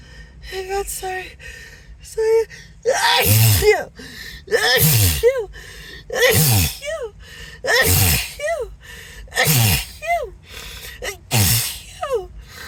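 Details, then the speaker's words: Acted, announced sneezing fit, sneezer apologizing and wondering if allergic to something: about six loud sneezes, each preceded by a gasping inhale, soft music behind. "oh gosh I just can't stop sneezing"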